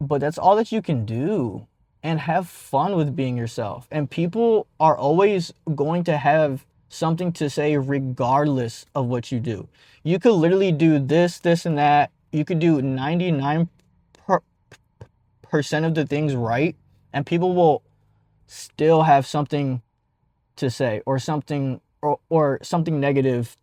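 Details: 52-year-old man, a jazz player turned rap singer, who describes himself as a person who stutters; stuttering.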